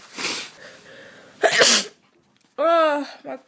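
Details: One sharp, forceful adult sneeze after a breathy intake, then a brief voiced groan, from a person with a blocked nose who says she is sick, during a sneezing and nose-blowing recording.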